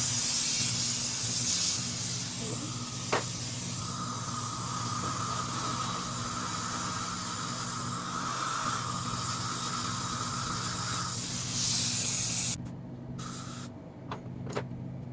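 Steady loud hiss of dental suction and air-water spray with a faint whine, ending abruptly into quieter room noise during a filling.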